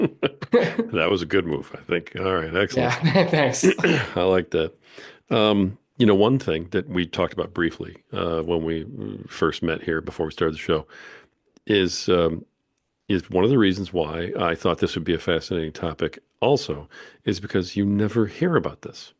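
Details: Adult man; typical speech.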